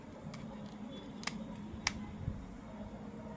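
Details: Lancing pen for home blood glucose testing being closed after inserting a new lancet, adult self-testing: a few sharp plastic clicks against quiet room noise.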